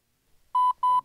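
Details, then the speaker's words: Two short, steady electronic beeps from a Lifepak CR Plus AED in a demonstration, interrupting CPR to re-evaluate heart rhythm and check whether another shock is needed. "while you perform CPR the AED will interrupt you irregular intervals so I can check if another shock is necessary"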